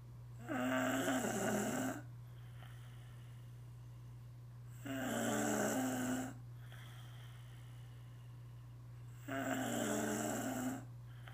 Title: Caught snoring